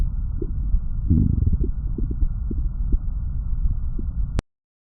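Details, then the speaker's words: Low gurgling rumbles with intermittent short gurgles: simulated bowel sounds from the HAL S3201 patient simulator. Bowel sounds play in all four quadrants of the lower torso, and each quadrant's volume can be adjusted or turned off. "how has multiple bowel sounds on the four quadrants of his lower torso for"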